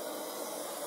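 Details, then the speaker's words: Steady continuous hiss of oxygen flowing as a CPAP unit is connected to an oxygen bottle, in a training demonstration for a simulated respiratory-distress patient with gurgling lungs; CPAP oxygen flow hiss. "Um, basically what he's doing over here is hooking the CPAP unit into an oxygen bottle. You can hear once you connect it, the oxygen is already on."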